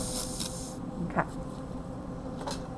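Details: Finishing and polishing of a Class II composite restoration: steady airy hiss with brief louder puffs, a dental air syringe blowing air to dry the tooth, over low room noise.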